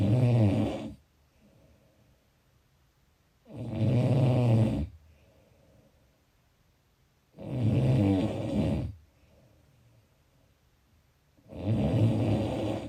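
Loud, rough snores with each breath in, about 15 a minute, separated by quiet breathing out. Steady, regular snoring.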